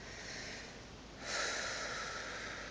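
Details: Deep breathing exercise by a woman with pectus excavatum who is on pain medication: a quiet, airy breath in, then a louder, rushing breath out.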